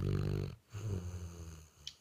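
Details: Snoring in a dog sound asleep, possibly a Basset: a deep, rumbling snore on one breath, a short pause, then a softer rattling snore.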